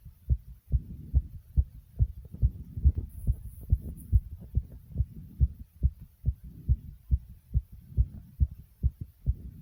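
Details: Own heartbeat recorded after jumping jacks, with heavy breathing: fast, regular, strong beat at about 140 beats a minute, a rapid heartbeat after exercise.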